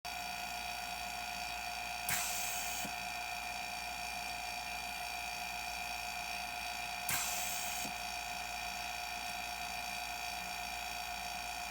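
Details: A homemade ventilator assembled from common medical supplies, under test: a steady motor whine with a rushing puff of air about every five seconds as it cycles.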